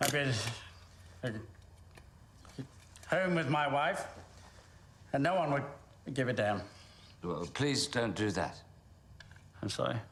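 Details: Acted stuttering: an actor portraying a stuttering character in a film, with blocks and hesitations that a speech pathologist judges authentic; stuttering.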